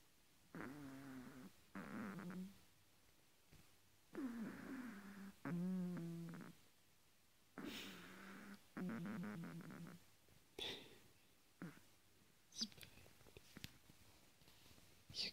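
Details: Soft, fluttering, somewhat irregular snores, about 17 a minute, from a sleeping Chihuahua; snoring.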